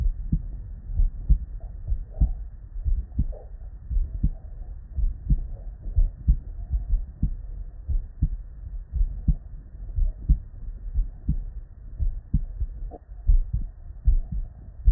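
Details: Real, unedited human heart sound recorded at the bedside: steady paired lub-dub beats at about 65 a minute, clean with no extra sounds; normal first and second heart sounds.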